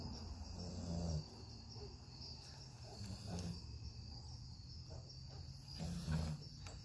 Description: Just a sleepy dog snoring.